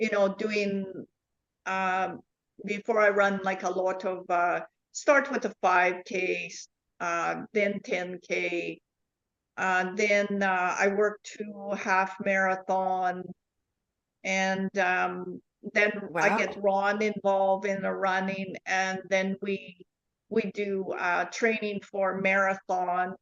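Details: Adult woman with foreign accent syndrome since 2010.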